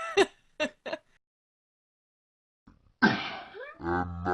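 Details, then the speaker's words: Woman sneezes during a podcast: three quick, high-pitched little sneezes, a pause, then a louder burst trailing into a voiced sound. "and sneezing in the girliest way possible i'm sorry"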